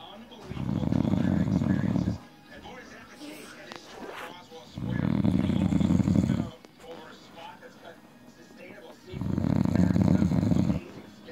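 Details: Husband's loud snoring while drunk and passed out asleep: deep, loud, buzzing snores roughly every four seconds with faint room noise between them; heavy snoring.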